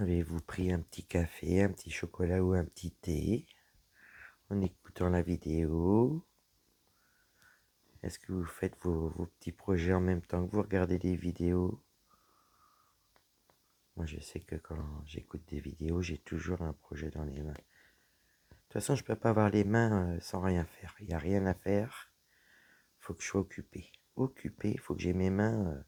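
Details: Dysphonia in a woman whose vocal cords were damaged by a serious health problem.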